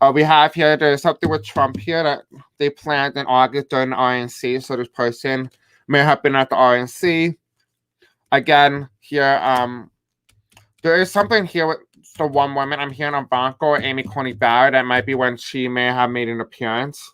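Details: Adult man with deaf speech, a self-described deaf accent, who says he may have a hard time pronouncing certain words; unscripted live-stream speech; deaf speech.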